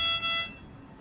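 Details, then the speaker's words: Brief high electronic tone fading out: check-circuit alarm of a high-flow oxygen device started without its patient breathing circuit connected, during a demonstration. "here you can find the first you will find the alarms because we did not connect this uh port to the breathing circuits okay so it will show check circuit"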